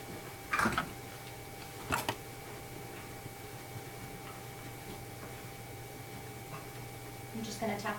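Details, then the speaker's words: A few sharp finger taps on the abdomen, percussion in the epigastric region, with a hollow, drum-like note; tympany noted during a comprehensive physical examination. "your belly and Tenpenny note noted terms for poisons in the epigastric region"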